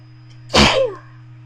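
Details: Sneeze induced with a bobby pin: single forceful, explosive burst of air fading within half a second, over low steady room hum.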